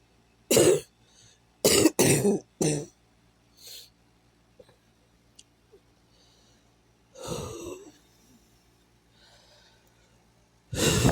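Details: Cough.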